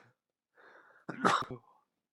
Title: Back again with some sneezes